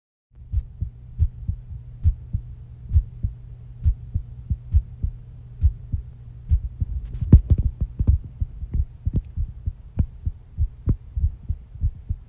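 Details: A person's own normal heart sounds: steady paired heart thumps at about 70 a minute, with a low hum and a brief rubbing noise.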